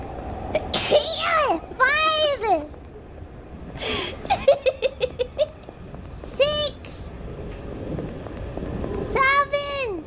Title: Sneezes 251-255